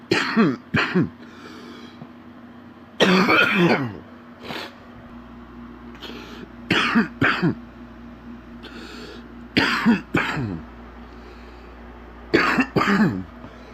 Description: a man is sick with an extremely stuffy nose and an absolutely horrible cough